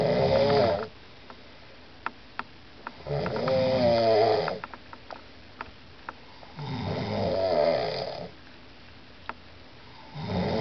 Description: Koncert chrapania Leniwca i Wieży